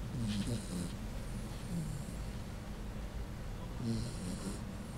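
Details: Sleeping Puggle dog: low, snorting, rattly breaths repeating every couple of seconds, described as sounding human-like; snoring.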